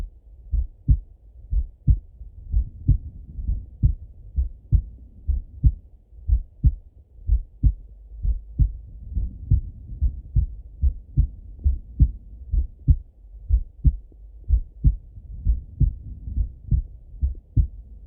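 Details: Male heartbeat by stethoscope during full heart auscultation, recorded either sitting at a desk or lying in bed: steady lub-dub at about 60 beats a minute, no extra sounds between beats; normal heart sounds.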